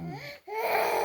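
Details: A 4-year-old child's crying wail, with a brief breath pause before a louder, rising cry resumes.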